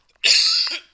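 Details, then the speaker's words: One sharp, dry, hissy cough burst lasting about half a second in a quiet room; speaker apologises for frequent coughing during recording, attributing it to possibly not drinking enough water or dryness. "So sorry, this recording a lot of coughing. Yeah, time catching up. Maybe I didn't drink enough water or so dry."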